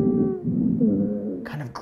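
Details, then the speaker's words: Simulated VR patient with asthma and shortness of breath, stethoscope on back over lower lobes: inspiratory and expiratory wheezes, with a grunting sound on expiration as air is pushed out. "the alveolar sacs having a hard time pushing air out it's creating that kind of like grunting on the way out he's working lower lobe expiratory wheeze"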